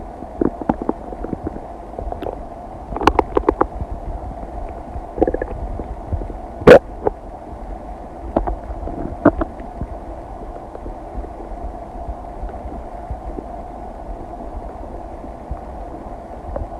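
Scattered gurgles, pops and low rumbles over a steady quiet background. Ordinary bowel sounds of digestion.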